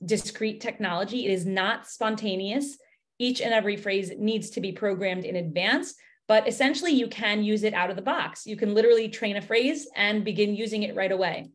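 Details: Adult woman; normal fluent speech.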